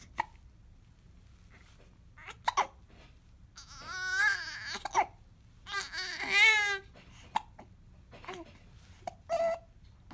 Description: Baby with hiccups also sneezes, coughs. 06/10/2022